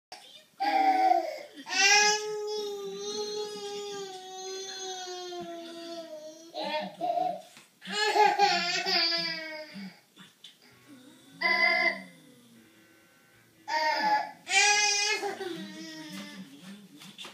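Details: 14-month-old girl, suspected stridor: harsh, noisy breaths between crying and babbling. The sound has been present with crying since birth and now also occurs without crying. Parent noticed pauses in breathing followed by big gasps for air.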